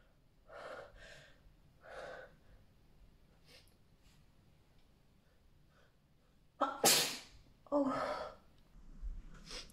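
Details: A young woman teasing her nose with a big feather: quiet breathy gasps build to one sharp, explosive, wet sneeze, then a smaller second burst.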